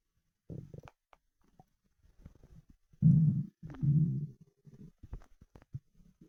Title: Starving 24 hour stomach rumbling